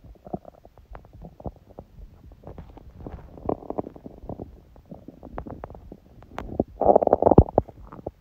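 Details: Hunger bowel sounds (borborygmi): irregular gurgling and rumbling with a louder burst of gurgles near the end; recording also includes sneezing; ordinary hunger growling.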